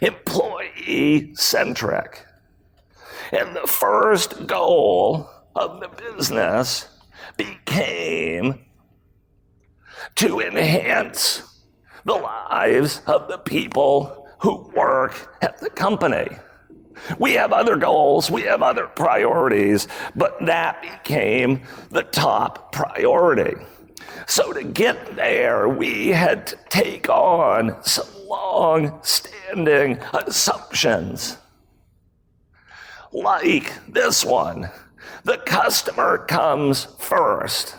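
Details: Adult male with spasmodic dysphonia, a rare voice disorder acquired in 2010; throat muscles spasm and contract when he talks, sometimes making speaking difficult; real speech from a keynote talk.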